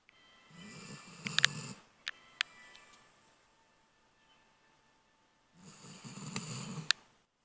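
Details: Sleeping pit bull snoring with one eye half open.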